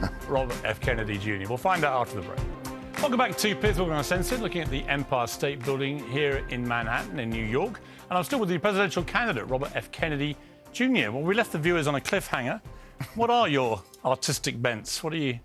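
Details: Adult male speaker over background music; ordinary speech.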